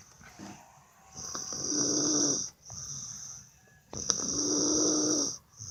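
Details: Two long, hissing, whistly snores with a faint low rattle, about 20 breaths a minute; snoring during sleep in a hotel.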